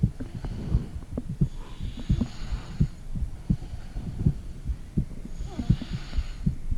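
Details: Adult woman's own heartbeat recorded with a phone microphone on her stomach: muffled low thumps at roughly 85 per minute, with soft abdominal rumbling, gurgling and breathing noise; heartbeat.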